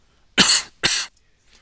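Two sharp, dry coughs in quick succession from an adult, with a quiet room behind.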